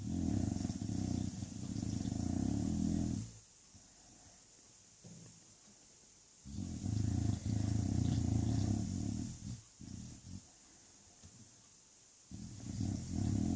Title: English bulldog snoring igor